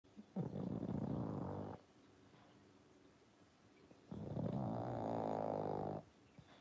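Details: A pug sleeping on the sofa in a red sweater, sleepy after a long day, snores: two long, rumbling snores from a small flat-faced dog, each nearly two seconds, with a pause between them.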